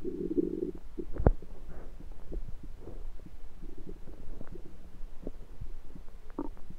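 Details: Own abdomen recorded with a USB stethoscope on the belly: low gurgling and rumbling with irregular bubbly pops; ordinary stomach rumbling (borborygmi).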